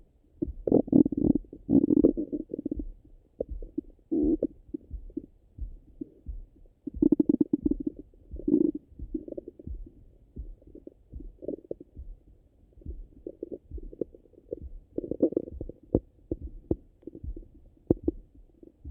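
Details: Irregular low gurgles and rumbling bursts from the belly after breakfast: ordinary active bowel sounds (borborygmi).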